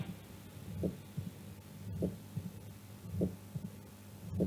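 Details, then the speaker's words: Auscultation at the mitral focus, slow beat about 50/min: loud (hyperphonetic) first sound, an opening snap after the second sound, and a low diastolic rumble filling almost all of diastole with presystolic accentuation. Mitral stenosis. "Primer ruido hiperfonético. Sí. Chasquido de apertura. Sólido diastólico, refuerzo presistólico."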